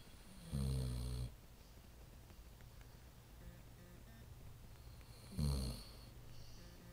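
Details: Two deep, rumbling snores a few seconds apart over a steady low hum; snoring.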